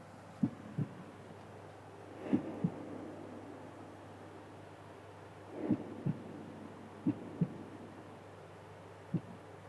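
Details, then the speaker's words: Normal heart sounds in a teaching recording: paired lub-dub, S1 from closure of the AV valves, S2 from closure of the semilunar valves at ventricular diastole; normal first and second heart sounds. "So, once again, Right, this is our heart sounds. Lub dub, lub dub, right? In a single cardiac cycle heart produces two different sounds. Like S1 sound, S2 sounds, right?"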